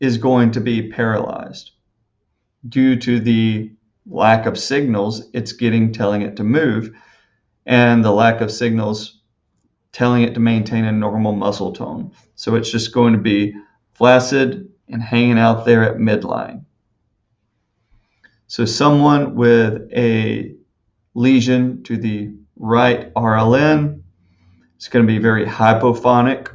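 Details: Adult male lecturer; normal speech.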